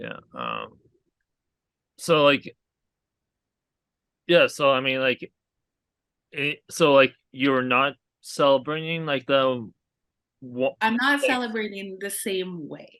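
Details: Aphasia in a male stroke survivor who had a hemorrhagic stroke from an arteriovenous malformation at age 20.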